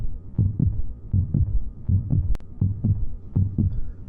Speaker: the heart the tubes and the blood form the transport system or circulatory system in humans [Music] can you hear the heartbeat